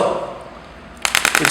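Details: Radial shock wave therapy unit demonstrated in a physiotherapy electrotherapy practical lesson for chronic muscular pain; a quiet start, then rapid sharp pneumatic clicks, about ten a second, as it fires.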